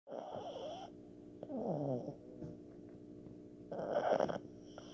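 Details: A black pug snoring during an afternoon nap: irregular rasping, snorting breaths with a fluttering, purr-like quality, about 27 per minute.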